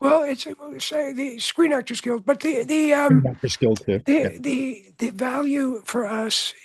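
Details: Adult male with voice change caused by throat cancer, treated with surgery, radiation therapy and two years of experimental chemotherapy; voice change after throat cancer treatment.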